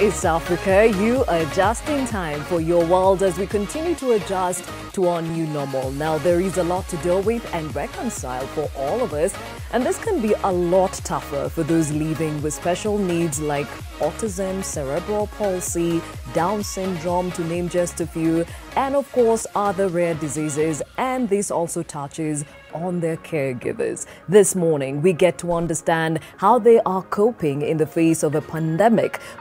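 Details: Adult host; typical speech.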